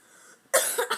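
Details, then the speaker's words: Young boy with a cough that hasn't stopped since waking that morning: one abrupt, harsh cough with a brief second burst after a quiet moment; a persistent cough. "Oh my god, I cannot get rid of that cough. I woke up this morning and I could not stop coughing. I still can't."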